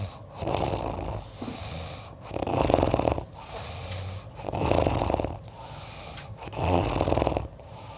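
Loud rattling snores on each breath in, about 15 breaths a minute, with quieter breaths out between.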